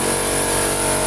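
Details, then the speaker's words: Suction machine switched on and tested before infant and neonatal suctioning demonstration: loud, steady motor hum and rush; suction machine running. "now I'm gonna make sure my suction machine is working properly by putting it on and testing it out before I actually start the procedure"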